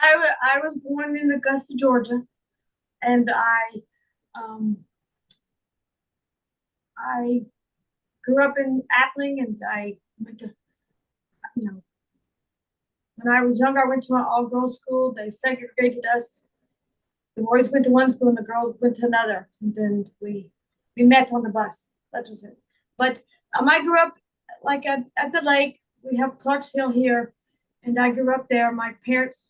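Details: Adult woman with foreign accent syndrome that began on waking from a migraine in 2021, diagnosed by a speech therapist; she also reports slurred speech and functional neurological disorder.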